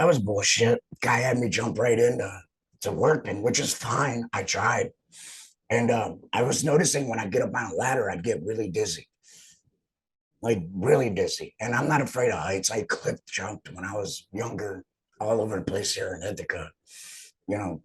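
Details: Adult male laryngectomee; alaryngeal speech after total laryngectomy.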